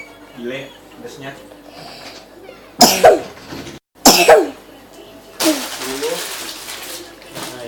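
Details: Playfully acted, exaggerated cough from someone who actually has a cough: murmured talk, then two loud, forced coughs and a third harsh coughing burst.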